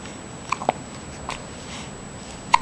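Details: 4-week-old baby with hiccups: short, abrupt little clicks, a few within seconds over room noise.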